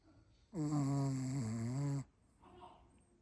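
A single long, voiced, rumbling breath sound from a sleeping dog: snoring.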